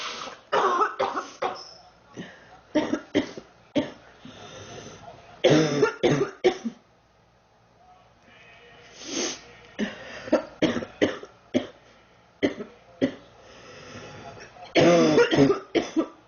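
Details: Girl who says she is sick, feels hot and mentions 3 weeks: repeated coughing in rapid bursts with brief pauses, many coughs in about sixteen seconds, persistent cough during illness.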